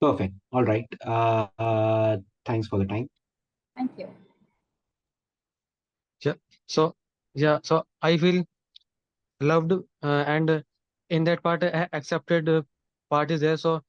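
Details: Adult man in a Zoom workshop, member of an Indian stammering association for 12 years, who speaks of people who stammer as "us", suggesting he stammers himself; stuttering.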